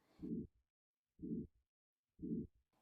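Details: Simulated aortic stenosis on an online auscultation simulator, heard at the neck: rough, harsh murmur bursts about once a second.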